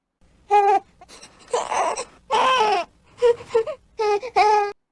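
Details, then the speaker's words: Infant crying in short, moderately pitched bursts with breaths between: a discomfort cry, with possible causes given as a full diaper, cold or heat, tight clothes or too much handling. "બીજા અન્ય કારણોમાં બાળકને કઈ ડિસકમફર્ટ લાગતું હોય જેવું કે બાળકનું ડાઈપર ભરેલું હોય આજુબાજુના વાતાવરણમાં એને ઠંડી કે ગરમી લાગતી હોય ટાઈટ કપડા પહેરેલા હોય અથવા બહુ બધા માણસોએ અને વધારે રમાડ્યું હોય તો પણ બાળક રડવા માંડે છે"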